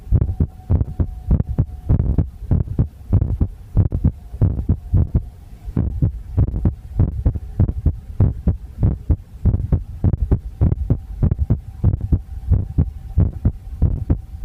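Steady low thumping heartbeat at roughly 98 beats a minute, with a faint hum in the background.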